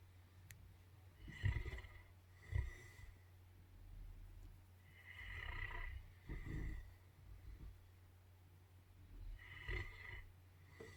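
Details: Morning snoring contest between two sleepers: soft snorting snores recur with sleeping breaths over a steady low hum of room noise.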